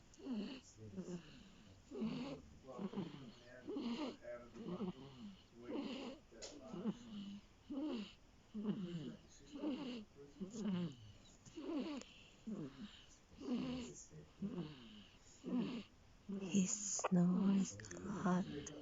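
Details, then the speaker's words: A 5-week-old snoring while songs play to help the baby sleep: rapid, rhythmic snorting breaths, about 60 a minute, with a rough, rattly noise on each breath. "the 5 weeks old snore."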